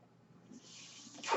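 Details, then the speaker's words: Podcast host's own mechanical ventilator heard in the background: soft hum, then a rising airy hiss ending in a loud rush of air as it delivers a breath; mechanical ventilator breath cycle. "name is brynan bard that noise you hear he's my ventilator"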